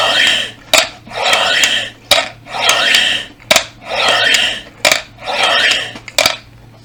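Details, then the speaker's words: Adult man recently recovering from an illness that affected his voice blows forcefully through a plastic ball-type breathing trainer: about six efforts in seven seconds with clattering balls; incentive spirometer in use. "bu ne oluyor sizin ciğerinizi manuel olarak çalıştırıyorsunuz olay bu"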